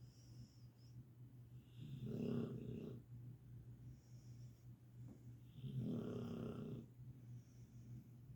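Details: Sleeping dog, possibly Catahoula or pit bull, snoring: two slow, rumbling snores about four seconds apart, quieter breathing between, roughly 15 breaths a minute.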